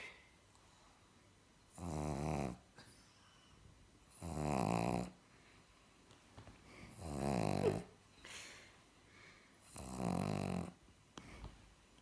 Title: Snoring Pug